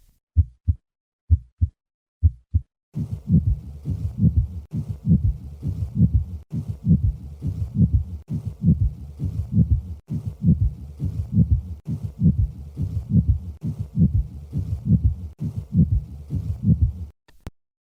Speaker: listen to a three component friction rub I will start with three normal beats and then add the